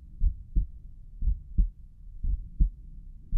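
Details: Heart pounding hard, with carotid arteries visibly pulsing; stethoscope at Erb's point picks up loud, regular lub-dub heart sounds at about 60 beats a minute; heartbeat.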